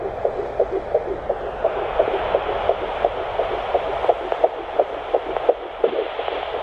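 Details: Fetal heartbeat at 10 weeks of an ICSI/IVF pregnancy, on a home Doppler placed centrally on the abdomen (earlier weeks found more to the left): rapid, regular whooshing pulses at about 170 beats a minute.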